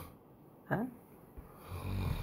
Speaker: el ronquidos de papá ahorita ahí como ronca